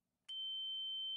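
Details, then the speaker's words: HAMILTON-G5/S1 ventilator switched on via rear power button during preoperational checks: a single steady high-pitched tone after silence as it begins its power-on self-test; expected start-up beep. "ventilator runs a self-test when that is complete select the correct patient group to access tests and calibration functions"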